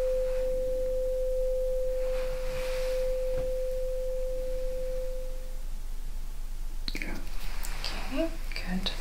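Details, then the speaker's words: A steady pure tone rings for about five seconds and fades, then rustling: a tuning fork during a Rinne test in an ear exam. Air conduction is greater than bone conduction, a negative test. "Alright, so ear conduction greater than the bone conduction, which is what I expect It's a negative test"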